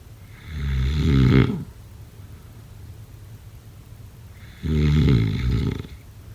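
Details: Snoring: two loud, low, rattling snores on the in-breath, about four seconds apart, with quiet breathing between.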